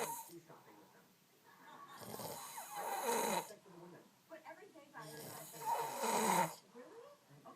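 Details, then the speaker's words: Man snoring in his sleep: two long, loud rasping snores on the in-breath, about three seconds apart, with quiet breathing between; snoring. "he wonders why I can't get any sleep at night."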